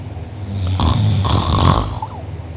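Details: Person asleep with mouth open and drooling, recorded by a sibling: loud, rough, rattling, fluttering snore on a long in-breath; uvula and soft palate sore afterward; snoring.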